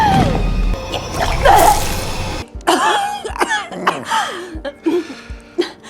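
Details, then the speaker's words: Acted, dramatized scene: an adult woman, described as having SARS, gives about five harsh coughs and throat-clearing bursts onto a doctor, with music at first; simulated cough. "El médico al que le tosí encima se pondrá enfermo."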